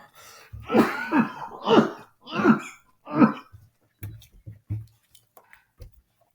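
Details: Adult male teacher coughing mid-lesson: five hoarse coughs in quick succession, then several small throat clears in a quiet room; a short coughing fit.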